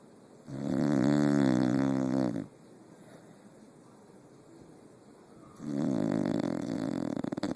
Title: Molly snoring!